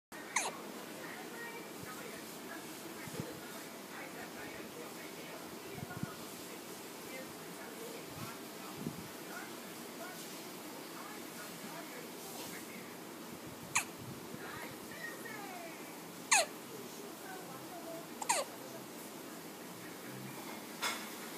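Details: Resting infant trying to sleep, eyes forced shut by hiccups, gives several brief, sharp, click-like hiccups spaced irregularly: hiccups.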